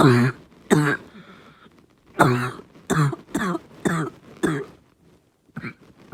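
A child gives about eight harsh, hoarse, seal-like coughs in quick bouts, a barking cough.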